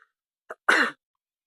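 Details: Person with a cold wearing an oxygen mask: a faint catch followed by one short, harsh explosive burst; a single cough.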